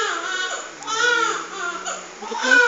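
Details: An infant at bedtime, while parents say good night, gives a wavering, whimpering cry in repeated rising and falling bursts with breaths between, in a quiet room; a fussing infant cry.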